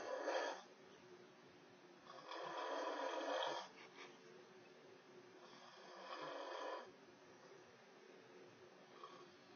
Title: snoring so loud